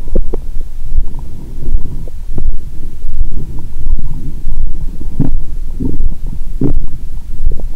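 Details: Active bowel sounds heard through a stethoscope on the abdomen of an adult after a large Christmas dinner with wine, taken after a 22-hour fast. The belly is still swollen, and there is constant gurgling and rumbling.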